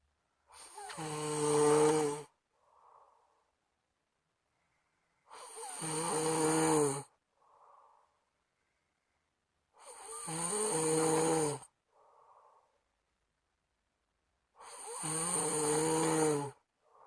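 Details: Friend snoring heavily, keeping the recorder awake: loud, rattling snores on each breath in, about 13 a minute, with soft breaths out between; regular snoring.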